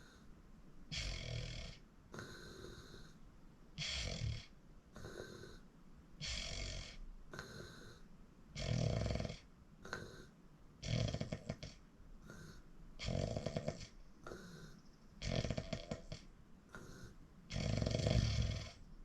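Rapid, uneven run of snorts and rattling snores on both breathing in and out, with some whistly, raspy parts; heavy sleep snoring.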